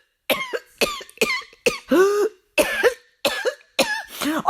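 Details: Cough from a comic character in a coronavirus-themed sketch, who then says she has been contaminated.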